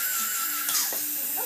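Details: Steady high-pitched whine of a running dental handpiece, with faint voices in a small room, at a four-year-old girl's first dental appointment; normal instrument sound.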